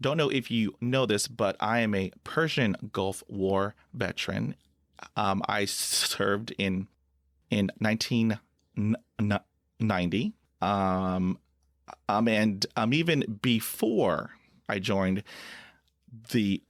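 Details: Adult man who stutters and is a Persian Gulf War veteran; repetitions and filler interjections: stuttering.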